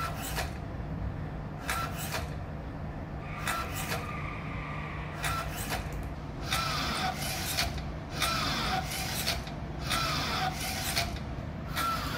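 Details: Florence, a bench-top emergency ventilator compressing a bag-valve-mask with a motor-driven cable pulley for volume-controlled ventilation: rhythmic motor whirring and rubbing bursts repeating steadily as the bag is squeezed and released.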